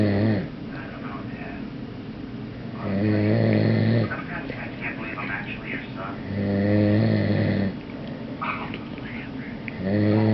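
Loud, low, buzzing snores recur about every three to four seconds, roughly 17 a minute, with quiet breathing between them: heavy snoring during sleep.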